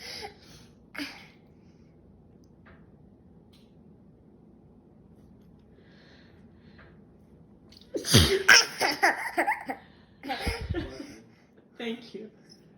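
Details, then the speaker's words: A mother sneezing, with a young child who loves to hear sneezes nearby. "Is mommy sneezing funny?"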